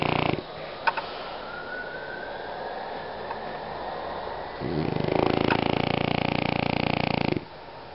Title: Cute French Bulldog funny sounds snoring